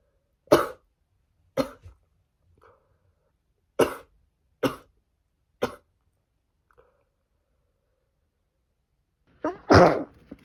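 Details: Five short explosive sneezes at irregular intervals, then a louder final one, from a female on the second day of a cold who can't stop sneezing.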